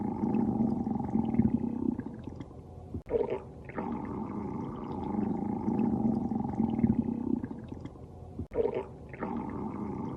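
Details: Stomach growling (borborygmi) from a female sleeping.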